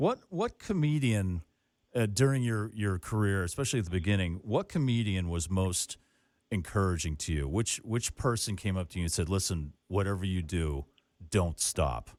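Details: Adult male speaker; normal speech.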